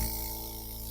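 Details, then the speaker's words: Steady low motor hum with a faint rattle from a newly unboxed nebulizer compressor, switched on and running without mask or medication; nebulizer compressor running. "Okay so nafi-feel ko man na lumalabas yung hangin dito so meaning it functions"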